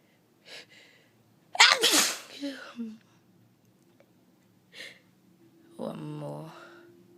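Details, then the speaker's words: Person with runny nose, between nose blows, says nose tickles: a short sniff, one loud explosive sneeze, then after a pause another sniff and brief voiced groan. "Oh, my nose tickles again."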